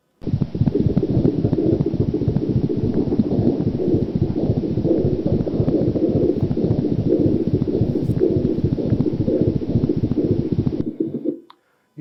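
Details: Gallop sound.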